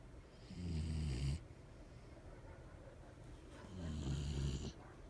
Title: My dog snores!!